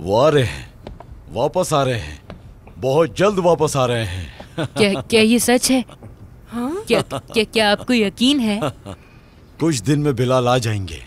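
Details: Adult voices in acted dialogue; normal speech.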